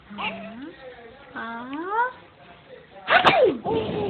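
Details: Pretend sneeze made to amuse a child, who laughs at it: rising voiced inhalations followed by a sharp, explosive burst, then a brief sound after.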